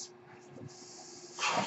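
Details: Speaker's own mechanical ventilator heard while the user talks during a podcast recording: a soft, steady airflow hiss with a faint hum swells into a louder rush of air; a mechanical ventilator breath cycle.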